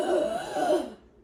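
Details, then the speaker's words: Parent imitating the sharp, rough gasp a child with Down syndrome and suspected sleep apnea made on resuming breathing after a long pause in sleep, consistent with obstructive sleep apnea. "Brandon looked tired he was making gasping sounds when he was breathing because I've been taking a long pause and then after he'd stopped breathing he would go"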